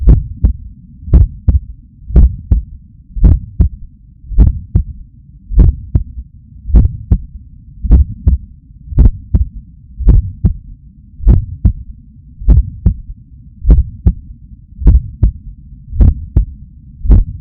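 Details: Adult waking up stressed, heart pumping hard; Stemoscope electronic stethoscope stuck to chest under shirt: strong regular lub-dub at about 52 beats a minute with low steady hum: normal heart sounds.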